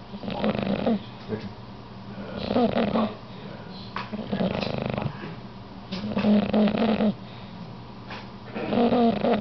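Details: Loud, rattling snores in regular cycles, about four in nine seconds, with quieter breaths between; ordinary snoring.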